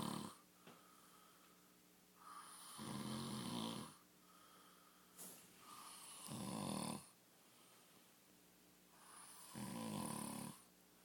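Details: A sleeping man snoring loudly: three rough, fluttering snores on the in-breath, about one every three seconds (roughly 20 a minute), with quieter breathing between.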